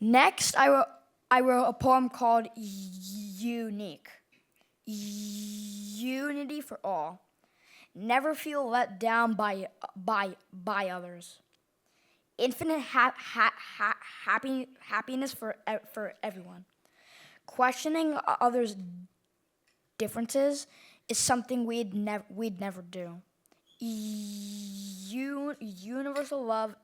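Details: Man who stutters, reading a poem aloud, with part-word and word repetitions; stuttering.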